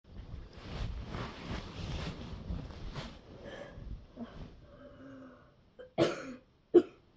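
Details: Adult coughing hard in bed: rustling room noise, then two forceful coughs.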